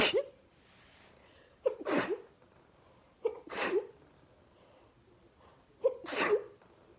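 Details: Sneezing fit of 26 sneezes, caught while watching TV: four sharp explosive sneezes, three of them preceded by a brief catching inhale.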